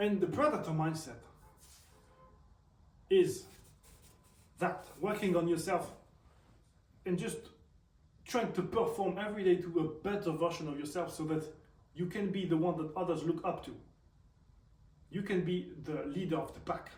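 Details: Man who reports a stutter audible when he speaks, and also tics; stuttering.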